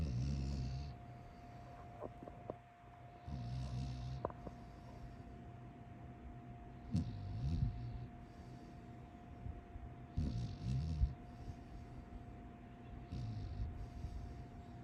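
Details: Low, fluttering snores with snorting bursts every few seconds, about 18 breaths a minute, over a steady background hum at 7:30; snoring.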